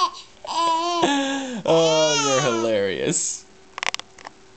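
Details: Infant who laughs when an adult sneezes, heard after an adult announces and makes repeated sneezes: loud drawn-out infant wails and babbling, then faint clicks and quiet room sound.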